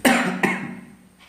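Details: Person who has been unwell since yesterday: two quick cough bursts in a small room, the second softer, faint background sound; cough.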